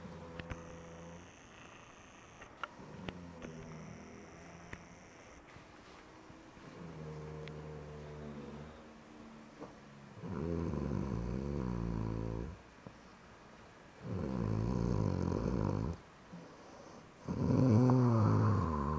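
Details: Snoring from a sleeping cat that owner says keeps passing out: low, buzzing, vibrating snores on each breath, growing louder toward the end, with faint room noise.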